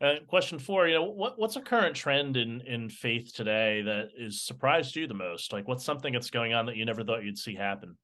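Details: Adult man speaking; ordinary speech.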